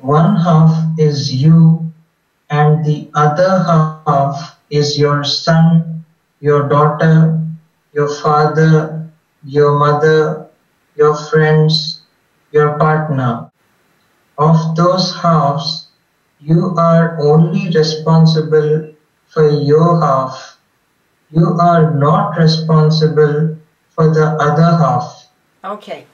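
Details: Adult woman; normal speech.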